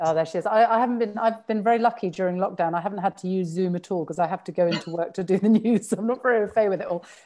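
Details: Adult woman speaking; fluent speech.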